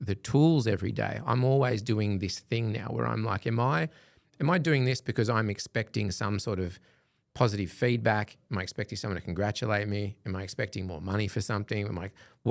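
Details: Adult male speaker; ordinary speech.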